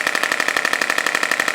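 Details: Radial shockwave therapy on a woman's lower back, 5+ years of chronic low back pain, first local treatment, gentle ~1 cm depth between vertebrae near the iliac crest; rapid steady tapping pulses, about twelve per second; device in operation.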